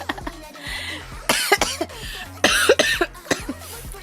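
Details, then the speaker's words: Woman with a cold and persistent cough, asked about phlegm: several short, sharp coughs in quick succession with soft background music; cough. "다른 건 다 괜찮거든요 다른 건 다 괜찮은데 계속 기침 기이 계속 나서 만 안 나면 [음악] 괜찮은데 가래는 나왔나요"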